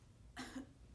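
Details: Voluntary dry cough on request from a healthy young woman during a respiratory assessment, with no sputum produced.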